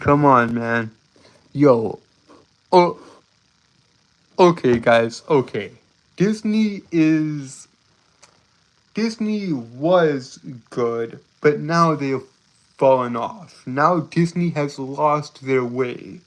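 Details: Stuttering; male speaker reports a speech impediment causing him to stutter and trip over his words.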